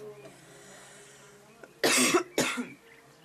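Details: Smoker's cough after a shower: two harsh, rattly coughs with a throat-clearing quality after a quiet stretch with faint room hum.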